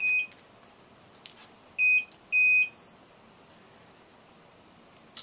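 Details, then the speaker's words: Short, high, repeated electronic beeps in a quiet room from a Hospira Plum A+ infusion pump with a dry, unused cassette loaded during pre-use alarm check: cassette failure alarm. "we will listen for the alarm telling us cassette failure. Okay, we can hear the audible alarm."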